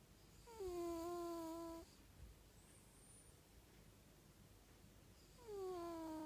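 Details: George, a sleeping cat, giving two long, high-pitched whistling snores about five seconds apart, each over a second long, over quiet room noise: snoring.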